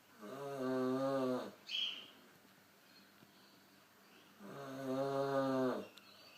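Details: Person snoring, with a small fart at the end; two long, buzzing, tonal snores about four seconds apart, quiet breathing between, a brief squeak after the first.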